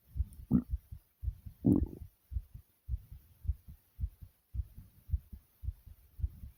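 Fast, regular low lub-dub thumps at roughly 110 beats a minute, with two brief louder rustles early on: a quickened heartbeat after exercise.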